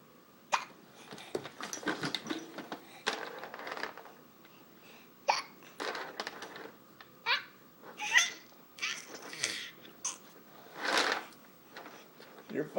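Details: Energetic infant playing in an exerciser with hiccups: short abrupt catching sounds about 21 a minute amid playful squeals and laughter; ordinary hiccups.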